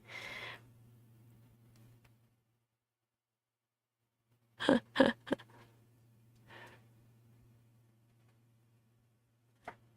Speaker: I think my cat is sneezing. Dolly is sneezing. Don't know whether you can hear it. Oh, poor thing.